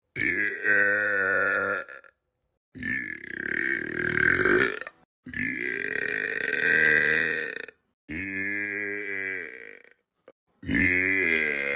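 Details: Burp compilation: five long, loud, voiced burps in a row with short pauses between them; repeated belching.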